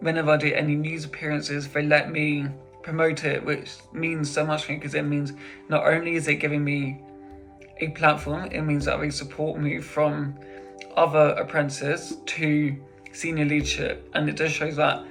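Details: Adult man who stammers and attended speech and language therapy until about age 13; stuttering.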